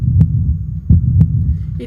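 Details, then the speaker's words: Normal heartbeat heard through a homemade funnel-and-tube stethoscope placed left of the sternum below the collarbone, in a classroom activity; soft, regular low thumps over a low hum, may take a while to focus on. "might take a little while to focus and adjust to the sound. It sounds like this."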